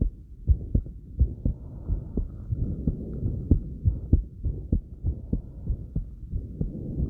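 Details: Fast, thumping heartbeat at around 100 a minute after light crunches, with breathing and movement noise behind it.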